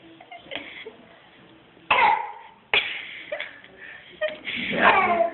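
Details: An 8-month-old boy at the doctor's office fake-coughs: three short, abrupt, voiced deliberate play coughs in a small room, not from illness.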